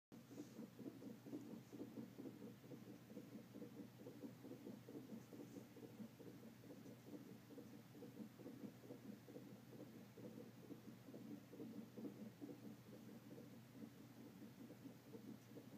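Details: Fetal heart sounds during a non-stress test, female fetus: a fast, steady whooshing pulse from a Doppler monitor at roughly 130–140 beats a minute, a normal fetal heart rate.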